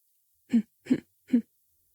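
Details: Vocal tic in a male host with Tourette syndrome, who has hidden his disorder in adult life; tics reportedly come in fast succession when he is stimulated by what he sees, reads or hears, and he disguises them with fake throat clearing.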